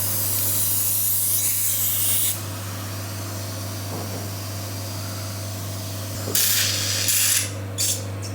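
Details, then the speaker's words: Hissing, slurping suction bursts over a steady motor hum as a suction device clears the nose after rhinoplasty, following nasal packing removal and before cast removal. "Now I clean your nose with this suction. Okay. One second."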